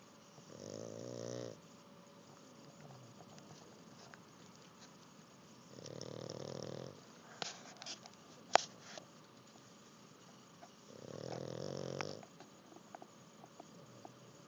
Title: Jack the Pug snores like a champion after learning to swim. (please turn up the volume.)